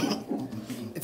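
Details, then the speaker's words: Simulated cough in a dramatised tuberculosis-awareness film from Côte d'Ivoire: an adult actor gives a few short, rough cough bursts, saying he feels unwell, coughs too much and his chest feels like it is running. "Je me sens pas bien. Il te dit, je tousse trop."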